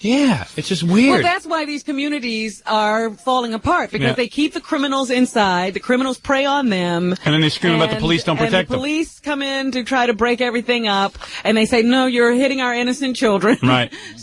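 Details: Adult speaker; fluent speech.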